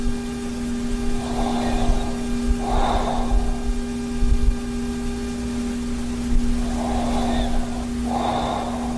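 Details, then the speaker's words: Adult with moderate sleep apnea snoring while wearing a Zquiet anti-snoring mouthpiece; rough, rattling breaths every few seconds over room hum. "yeah i started snoring a little bit when i was on my back but even if i was on my back and my head rotated to the side enough put less pressure on the mouthpiece and i would stop snoring"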